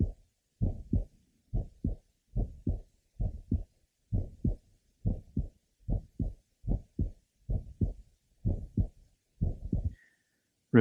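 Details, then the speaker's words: Congenital bicuspid aortic valve: early systolic ejection sound and grade 3 somewhat musical systolic murmur heard from aortic area to apex, also transmitted toward neck; aortic ejection sound with systolic murmur. "note the ejection sound and the systolic merma are heard from the aortic area to the"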